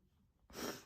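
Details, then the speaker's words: A quiet lead-in, then one sudden loud hissing burst of air through nose and mouth: a single sneeze by a woman, deliberately triggered by tickling a nostril with a paintbrush. "I'm going to try to get myself to sneeze but right as I'm about to sneeze here we go do this nostril first"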